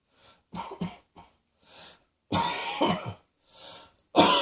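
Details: Cross-dressing person coughing: about six coughs of varying strength, some throaty and some forceful, separated by brief pauses.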